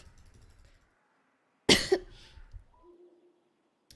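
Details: A Twitch streamer gives one loud, harsh cough with a short second expulsion during a live stream, then quiet room sounds.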